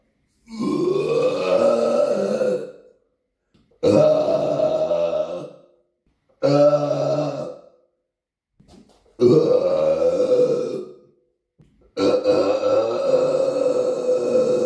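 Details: Deliberate burping recorded on a Samsung Galaxy S9 phone in a small quiet apartment room: five long, loud, voiced belches in a row, each lasting about two seconds.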